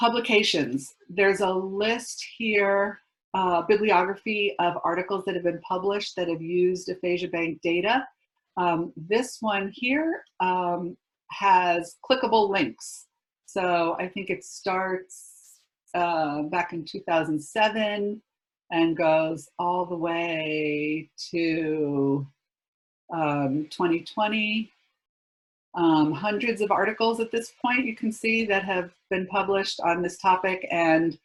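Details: Adult woman speaking; normal speech.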